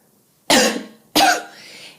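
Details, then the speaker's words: Two sharp, forceful coughs about half a second apart, done on purpose as a demonstration for a cough-counting phone app; cough. "I have the problem of coughing. I cough a lot! (Coughing) I cough a lot and it's very dangerous!"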